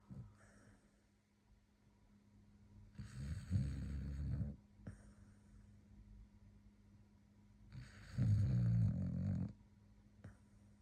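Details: Sleeping dog snoring: two loud, low, rattling snores on the in-breath, with softer breaths between.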